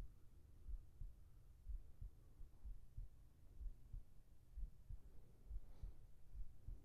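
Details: ASMR heartbeat recording for sleep, with whispered voice: steady, soft low thumps at about 62 beats a minute over a faint hum; normal resting heartbeat.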